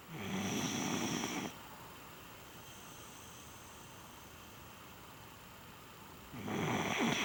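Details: Female pet dog snoring while asleep: two long, harsh, hissing snores about five seconds apart with a quiet pause between; snoring.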